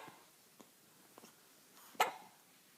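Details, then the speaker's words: One-week-old newborn girl, always nursing, with frequent hiccups: faint soft hiccup sounds, then one louder sharp hiccup with a brief catch of breath in a quiet room; newborn hiccups. "This kid does nothing but eat and has hiccups all the time. Those are big ones."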